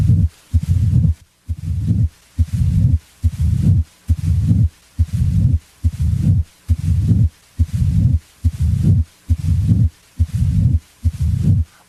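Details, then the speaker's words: Mid-diastolic murmur, as in mitral stenosis. It starts a short time after S2 and may fade away. "a mid diastolic murmur as in mitral stenosis starts a short time after s2 it may fade away as heard here"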